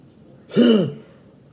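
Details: Vocal tic (yelp) from functional neurological disorder, triggered by reading along with increased left eye pain; body tics (jolts) also occur.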